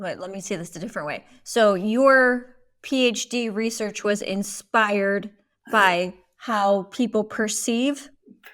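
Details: Adult woman; typical speech.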